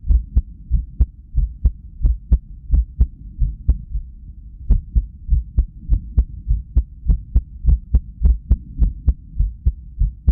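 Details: Irregular heartbeat at rest, recorded on cardiac ultrasound (echo) with audio after lack of sleep: loud whooshing Doppler pulses about 100 a minute with uneven spacing, early and delayed beats; arrhythmia.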